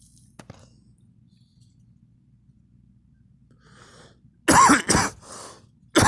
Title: me coughing